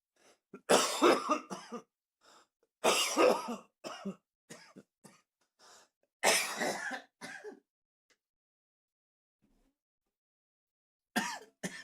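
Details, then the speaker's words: Streamer coughing during a live stream: repeated bouts of harsh coughing and throat clearing, three main bursts with smaller coughs between, then a pause and a final burst. "Let's see if I just spend the whole 3 minutes coughing."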